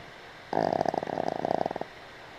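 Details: Boston Terrier asleep on a picnic table: one fluttering, rattly breath sound lasting just over a second; a single snore.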